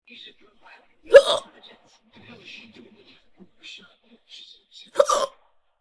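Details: Female with hiccups, from an old mp3 recording: two sharp, sudden hiccup sounds about four seconds apart, with quiet breathing and faint voice between; she says she's had these hiccups for about five.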